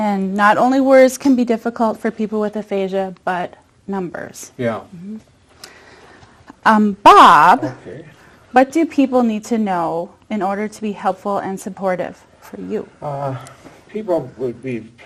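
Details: Adult woman speaking; typical speech.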